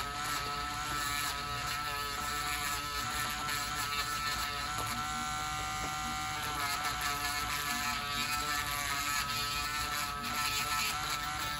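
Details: Steady high motor whine with grinding: a podiatry nail drill reducing thickened toenails with a severe fungal infection, in a patient on dialysis for about a year; samples sent for microscopy and DNA testing.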